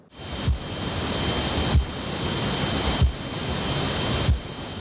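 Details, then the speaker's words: Simulated electrical-noise tinnitus, crackling like a TV cutting out or a mistuned radio: steady rushing static with faint high tones and soft surges. "TV 소리 끊길 때 아니면 라디오 주파수 좀 잘못 맞힐 때처럼 정말 지지직 하는 소리가 자꾸 난다고 하시는 분들 계십니다. 전자기기가 오작동할 때 나는 지지직 하는 그런 불편한 소리 있죠? 그게 귀에서 자꾸 들리는 상황이라고 생각하시면 되고요."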